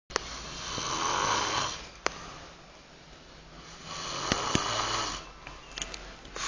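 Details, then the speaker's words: Man sleeping after staying up all night: loud, rough snoring with long rattling breaths about four seconds apart, likened to a locomotive. "roncando parece uma locomotiva moleque"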